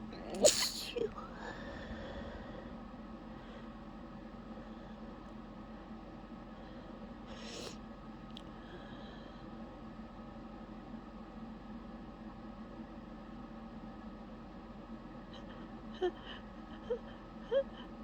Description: i tried to continue holding back after the first sneeze, but i just couldn't